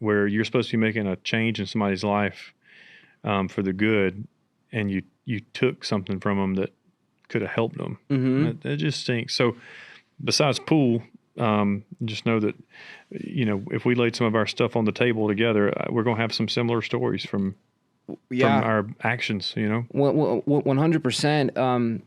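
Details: Adult male speaker; typical speech.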